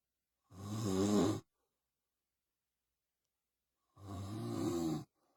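Two loud rattling snores about three seconds apart, each lasting about a second, with silence between; heavy snoring.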